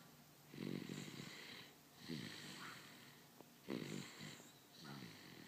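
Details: Soft rhythmic snoring, rattling flutter on each in-breath and hissing out-breath, about four cycles in five seconds, during an afternoon nap; snoring.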